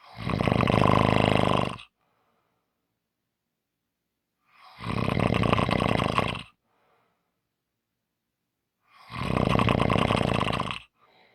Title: Short snoring Audio